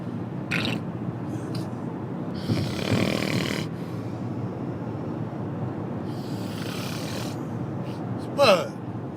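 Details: Sleeping person snoring: noisy breaths with two longer rough snores and a brief squeaky snort near the end, over steady room noise.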